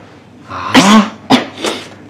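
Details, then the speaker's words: Acted sneeze in a drama by a character with a cold: a rising breath-in, an explosive burst, then a second sneeze and a softer follow-up. "我的喷嚏打得像我姥啊！"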